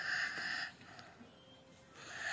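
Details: With a cold and sore throat: two harsh, breathy coughs, one at the start and one at the end, separated by a quiet pause.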